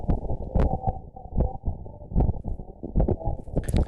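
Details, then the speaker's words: Normal heart sounds from an adult's own chest, recorded by the chest sensor of a connected blood-pressure cuff used like a stethoscope; regular low heart thumps at about 76 beats per minute. "comme le stéthoscope à l'ancienne exactement c'est comme le stéthoscope sauf que là vous entendez mon coeur"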